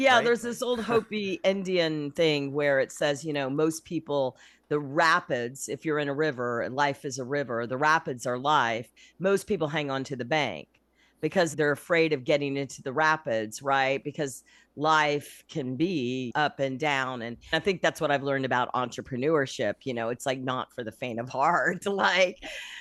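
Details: Adult speaker; normal speech.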